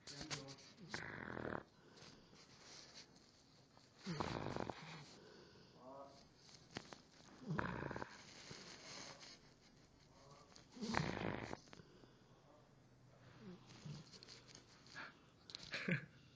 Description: My dog is sleepy, and when hes sleepy he snores...Loud